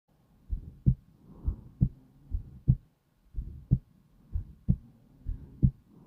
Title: slow heartbeat sound calm & peaceful